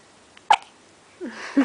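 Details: Tired baby with hiccups: a single sharp, brief hiccup followed by a soft vocal sound; hiccup.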